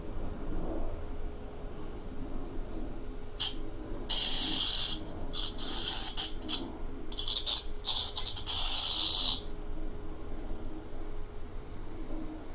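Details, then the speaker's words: Self-performed at-home cleaning of tartar from the front teeth with an ultrasonic scaler, power turned up for tough deposits: high, hissing buzz in repeated bursts during ultrasonic scaling of dental calculus. "is grinding that it is just coated on there had to turn up the power a little bit man that stuff is tough to get get through there"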